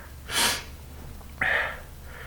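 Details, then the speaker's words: Adult man who had a few drinks, sneezing while talking and calling it a wet one: a sharp, hissing nasal blast followed by a breathy exhalation; sneeze. "really oh that was a wet one it's really awesome that we can all do this for each other"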